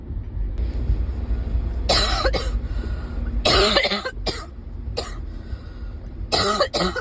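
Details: Ongoing bad cough recorded in a car: several harsh, chesty cough bursts with throat clearing between them over steady vehicle noise; persistent cough.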